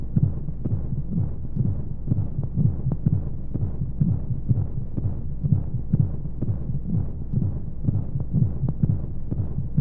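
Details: Womb-sound sleep aid for babies: steady muffled low heartbeat thumps at about 125 a minute under a constant white-noise hum, as heard inside the womb; heartbeat.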